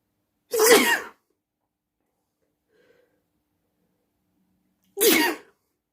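Two loud, explosive sneezes separated by a few seconds of quiet.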